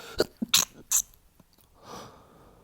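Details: Three quick muffled, hissing stifled sneezes with a short catch of breath before them, then a soft exhale and "ugh", from a man sneezing in fits every 30–60 minutes.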